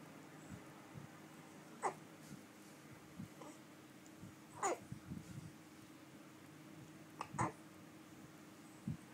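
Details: 3-month-old baby with hiccups: soft, brief, sharp catches recurring every few seconds.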